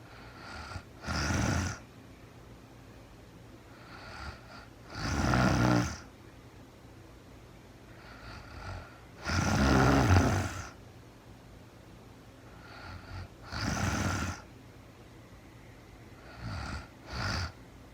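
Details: Real-time recording of a woman asleep overnight, very tired, no talking (labelled REM sleep): loud, rattling snores about 14 a minute, some with a softer lead-in, over quiet room noise; snoring.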